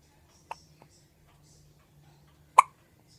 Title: Baby hiccup